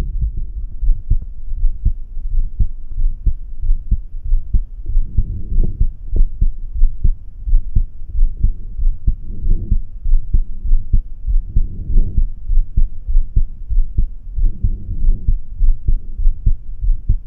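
Regular heartbeats at about 97 a minute, heard at the aortic area, with no abnormality noted.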